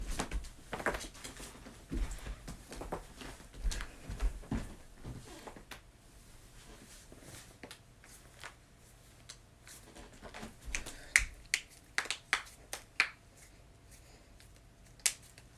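Sharp, dry pops and clicks from cracking joints, separated by rustling and handling noise in a small room.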